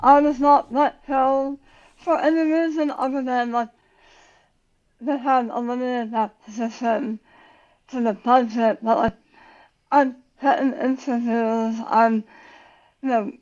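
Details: Adult woman about 9 years after tongue cancer surgery and radiation, who had to relearn how to talk; speech difference after glossectomy.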